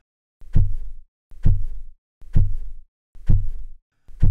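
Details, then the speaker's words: Phase one Korotkoff sounds at the brachial artery via sphygmomanometer cuff and stethoscope during slow cuff deflation, once cuff pressure drops to systolic: regular low tapping thumps about 65 a minute from turbulent flow. "now that the artery pressure matches the cuff pressure blood can squirt through and we hear a tapping sound"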